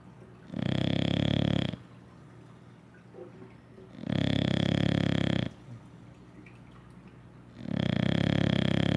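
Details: An English Bulldog sleeping after a day of rest: loud, rumbling, fluttering snores lasting about a second each, about 17 a minute, with quiet breathing between them.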